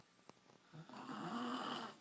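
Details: Adult woman asleep: a soft click, then a rising rough, fluttering breath sound lasting about a second in a quiet room; snoring.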